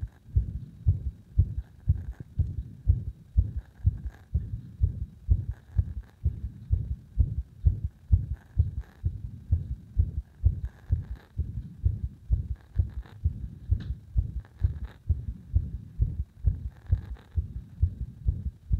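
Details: Heartbeat with an arrhythmia induced by gradually increasing pressure on the heart: fast, low thudding beats, roughly 120–130 a minute, with uneven spacing between beats.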